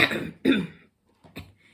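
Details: Two harsh, loud coughs from an adult, followed by two softer throat-clearing sounds: cough and throat clearing.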